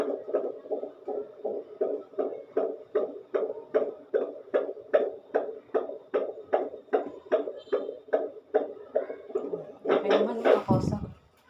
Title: Monitoring baby Heartbeat 💓 |Using Fetal Doppler|